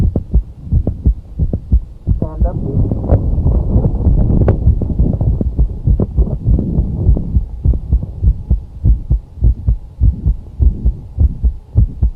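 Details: Heart sounds with an extra sharp click in mid-systole between the first and second sounds, over some rumbling noise; mid-systolic click.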